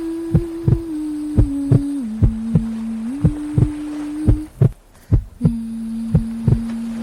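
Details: Heartbeat sleep sound made to help a baby girl fall asleep: regular soft low thumps under steady white noise, wave sounds and a gentle melody.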